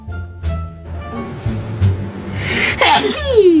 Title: sneeze